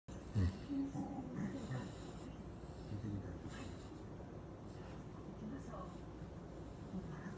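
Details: Sleeping Shiba dog: low snorting and rumbling breaths with some soft nasal snorts over faint room noise; ordinary snoring.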